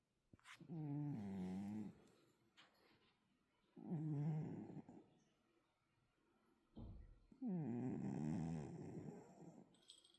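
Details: Snoring from a cat: three long, rumbling snores with quiet pauses between, about 18 breaths a minute.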